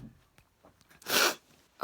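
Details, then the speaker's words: A few faint sniffs are followed by one sharp, hissing burst. A single sneeze. "i had a really bad sneezing fit before that sort of quickly go and find it"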